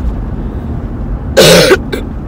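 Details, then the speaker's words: Single harsh cough followed by a brief second catch over quiet background noise, from a 38-year-old woman sick with a cold for several days, whose voice is going. "I am sick. I have not been feeling good the last couple of days, and so I haven't been vlogging."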